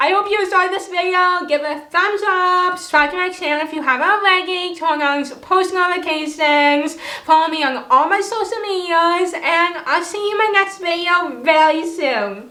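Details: Dysarthria from cerebral palsy in an adult woman who has long-standing difficulty pronouncing words, is often not understood, and had years of speech therapy while growing up.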